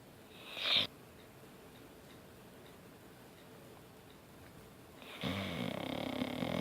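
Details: Dog snoring while asleep: a brief snort, then after a quiet pause a long, rough, buzzing snore.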